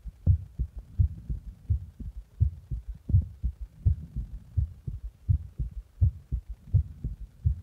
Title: My heartbeat after press my heart